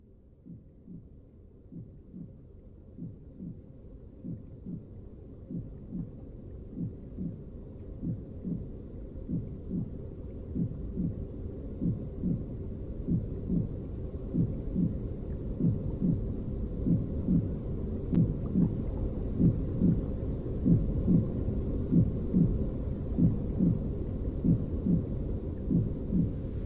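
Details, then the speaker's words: Simulated womb soundscape from a sound-design performance piece: steady, muffled low thumps over deep whooshing rumble, approximating the mother's heartbeat, breathing, stomach and blood gurgling through the umbilical cord as heard in utero. "is an approximation of the first sounds you ever heard. They're the sounds of your mother's body. Her beating heart, her breathing, her stomach, and the sound of blood gurgling down your umbilical cord."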